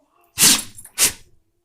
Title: (BIG PUPPY) Sneezing on everything